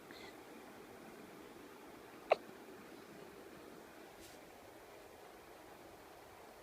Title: Hiccups go away!!!